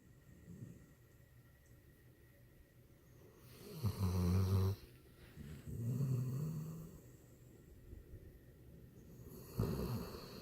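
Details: Sleeping dog, Henry, gives low, rumbling snores on about three slow breaths, separated by quiet pauses: ordinary snoring.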